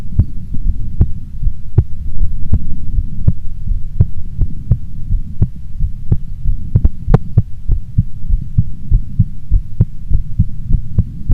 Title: Female Heartbeat Sound Before Sleep - Long File